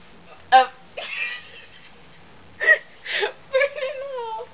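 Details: Woman who had been hiccuping for about a minute before recording: several abrupt, involuntary voiced gulps at irregular intervals, mixed with brief vocal sounds: hiccups.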